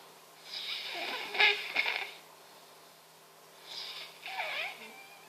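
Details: Loud, epic snoring: rough, hissing snores on two breaths, with rattling bursts in the middle of each breath.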